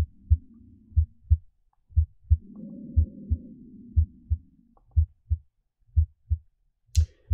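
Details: Simulated normal heart and breath sounds from an iPax auscultation simulator sample case; the chest piece is moved over the chest, where the parasternal region gives bronchial breath sounds, the apex gives softer vesicular sounds and heart sounds fade with distance from the point of maximal intensity.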